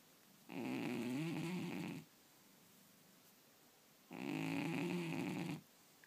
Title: Funny cat snoring while dreaming